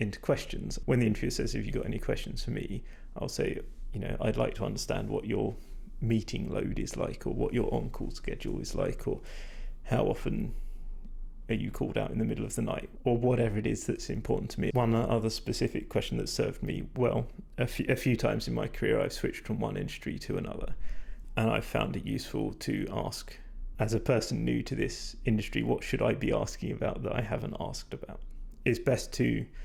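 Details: Adult man whose voice, by his own account, is degraded and stressed from talking a lot without drinking enough, not at its peak condition; vocal fatigue.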